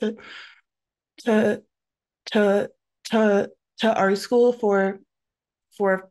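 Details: Adult woman who stutters, with multiple word repetitions audible; stuttering.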